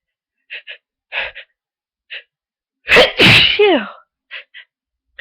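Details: Person with a very bad cold, sneezing all day: short sniffs and catching breaths lead into one loud, explosive sneeze with a voiced trailing cry, then quick sniffs; sneezing fit.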